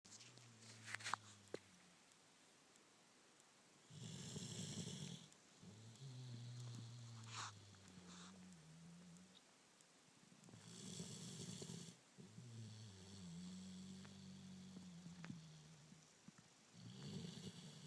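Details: Person snoring: rough snoring breaths about every six to seven seconds, a buzzing inward snore and a whistling outward breath in a quiet room.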